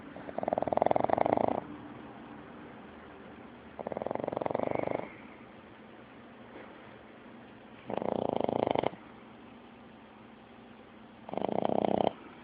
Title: Little Rascal...big snore